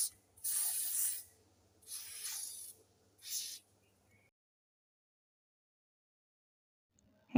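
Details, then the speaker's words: Lucky, a pet dog with a sprained leg and likely in pain, gets three short hissing bursts of medicinal spray on the injured leg from a spray can brought home along with injections. "ఇంకా మా వారు duty నుంచి వస్తూ వస్తూ కొన్ని ఇంజెక్షన్లను ఇంకా ఈ spray తెచ్చారు."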